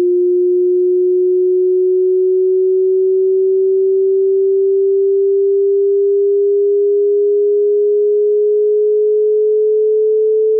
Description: Sinusoidal wave starting at 20 Hz frequency and going up to 20 kHz frequency.